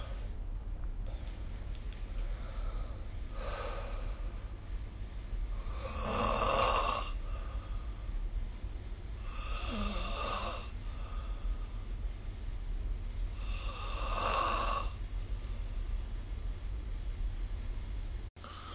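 Four rough, rattling breath sounds recur about every four seconds over a steady low room hum, consistent with snoring during sleep.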